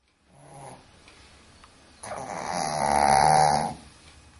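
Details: A pet snores with a soft snort followed by a longer, louder rattling snore on the in-breath; snoring.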